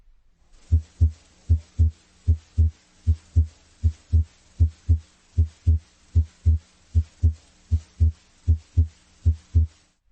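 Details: Stethoscope diaphragm starting at the right second interspace near the sternum: regular heartbeat about 75 a minute, clear S1 and S2; S2 splits on inspiration and fuses on expiration, physiologic splitting of S2.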